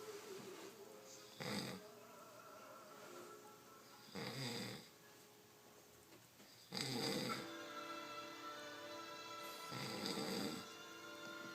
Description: This Fat guy has to have the loudest snore in the world.